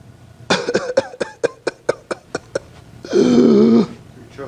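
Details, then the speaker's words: Imitated whooping cough: a run of about ten rapid coughs until all air is expelled, then a sudden long, high-pitched inspiratory whoop. "كاركترستيك لانه كل الهواء طلع تماما وراح ماخذ هواء كله فجأة بصوت اللي هي بسموها ذا هوب."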